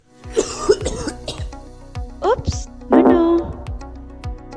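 A few short cough bursts with throat clearing over background music and sound effects; ordinary cough.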